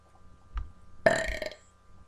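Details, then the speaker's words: Deliberate burping in a burping contest between siblings: one loud, drawn-out voiced belch lasting about half a second. "Ah, it's sloppy. Ew, it's so disgusting."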